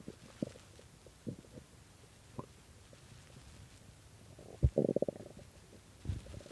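Quiet low gurgles and rumbles, with a louder bubbling growl near the end; stomach growling from an empty stomach, a normal sound.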